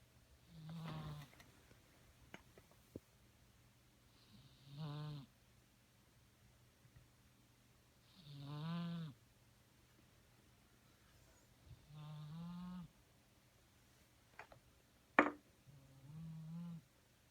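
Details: Cat sleeping on a windowsill, snoring softly and rhythmically, with a low rattling breath about every four seconds in a quiet room.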